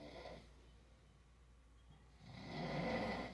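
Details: Adult man snoring in sleep: a rough, rattling snore on an inward breath after a quiet pause.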